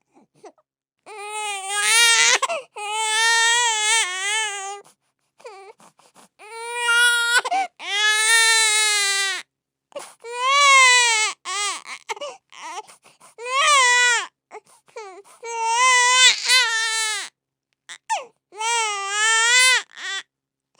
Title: Baby Crying - Infant cry #2 - Sound Effect - #backgroundsoundeffects